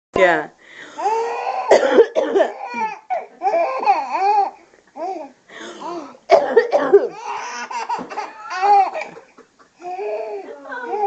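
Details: A few short coughs from a child mixed with a baby's giggling and babble; ordinary cough, baby laughing at the coughing.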